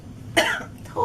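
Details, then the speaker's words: Girl's cough: a single short, loose cough over steady room noise, possibly bringing something up; described as a good, productive cough. "It's actually good. That means you're having good coughs."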